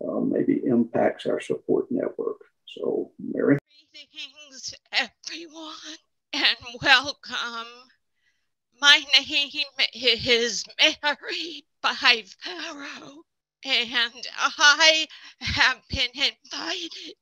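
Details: Spasmodic dysphonia in an adult who counts himself among people with SD.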